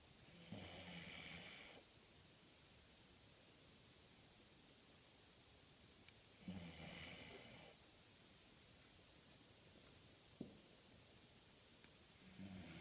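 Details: Snoring: rasping snores about every six seconds, roughly ten breaths a minute, with quiet pauses between them.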